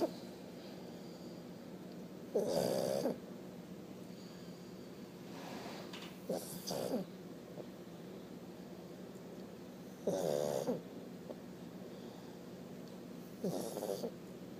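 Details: Loud, rough snorting snores at irregular intervals over steady room hum from a 1-year-old male Pug snoring loudly.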